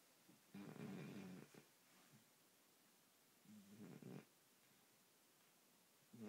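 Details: Yogi, a 3-month-old shepherd mix puppy, asleep on a bed: soft, low rattling snores on each breath, about 20 a minute, with quiet pauses between; ordinary harmless sleep snoring.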